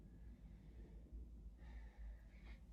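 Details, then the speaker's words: Normal deep breath taken by a patient during a nursing respiratory assessment, while the examiner's thumbs rest at T9–T10 on the posterior chest to check for symmetrical chest expansion. "we would want to make sure that he's having symmetrical expansion so I would take my thumbs put them around t9 and t10 and ask him to take a deep breath okay"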